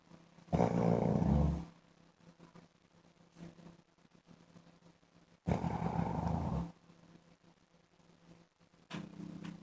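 Loud, rumbling, engine-like snores on inhaled breaths, three in about ten seconds, with quiet breathing between.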